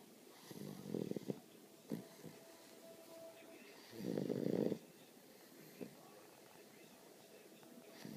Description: my Great Dane puppy snoring